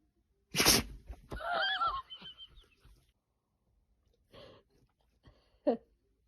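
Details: Healthy dog sneezing: a sharp, hissing nasal burst followed by snorting and a whine, then a few softer puffs.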